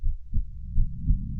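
Muffled low heart thumps, computer-reconstructed from earbud audio, consistent with normal heart sounds.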